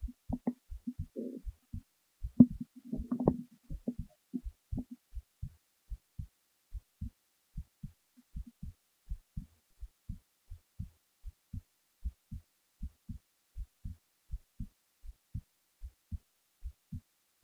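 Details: Heartbeat recorded while the person was falling asleep: steady, regular lub-dub at about 75 to 80 beats a minute after brief rustling at the start.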